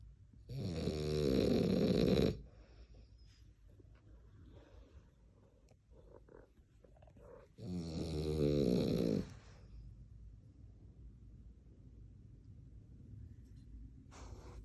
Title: #my 4 mnths frenchie snoring 😄